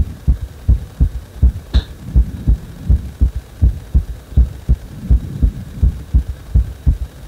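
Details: Heart speeding up on its own after compression: regular, fast heartbeat at about 130 beats a minute, each beat a dull paired thump; rapid heartbeat.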